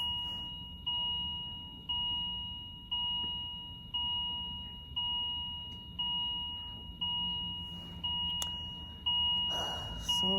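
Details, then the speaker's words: Steady beep about once a second from a hospital bedside machine that went off all night, after a labor and delivery; the newborn's heart rate kept dropping to about 88 and she was to be taken to the NICU. "and also excuse the beeping i don't know that machine keep going off"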